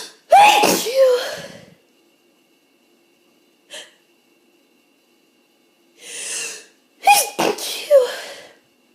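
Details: Hay fever, possibly with a cold starting; itchy, tickly sneezes that often stall with false starts, eyes streaming. Several forceful sneezes in bouts, each a sharp intake then explosive burst, quiet room; sneezing.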